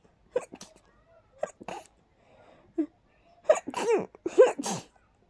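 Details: Sneezing after about 20 minutes of cleaning and dusting: a run of short voiced bursts with airy sneezing sounds, several sneezes in a few seconds.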